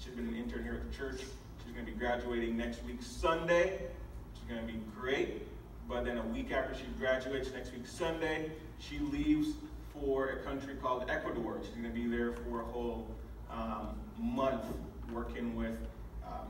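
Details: Adult man speaking; normal speech.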